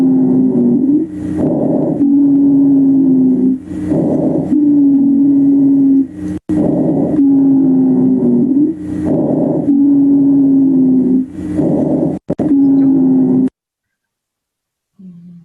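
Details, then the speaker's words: Wheezes in an adult respiratory teaching example: steady, musical low-pitched whistling through each breath, longer on expiration than inspiration, from narrowed airways. "Vamos a poner la parte de las sibilancias nuevamente. La parte azul más pequeña es la inspiración o toma de aire y la parte más grande es la expiración o cuando botamos el aire."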